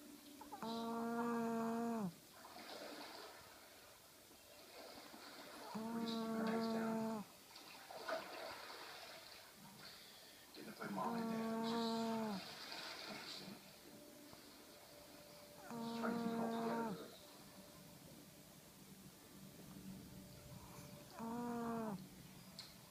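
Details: Loud, steady snoring from a sleeping Shih Tzu dog, about 12 breaths a minute, with tonal, honking in-breaths.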